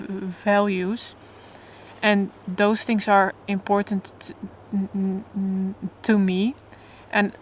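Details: Adult woman who stutters openly but in a controlled way while trying to avoid stuttering, in stuttering therapy for the first time; stuttering.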